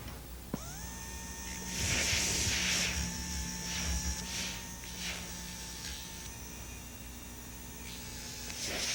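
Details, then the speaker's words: Steady high dental handpiece whine with bursts of gritty scraping as a medium sandpaper disc on a mandrel smooths diamond-bur roughness from a maxillary second premolar prepared for a porcelain-fused-to-gold veneer. "and then we'll use this to remove the roughnesses that are created by the diamond instrument"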